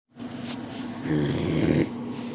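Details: A single low, rumbling, throaty breath from a sleeping boxer dog; snoring.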